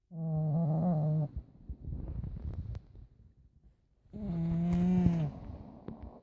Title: Snoring pug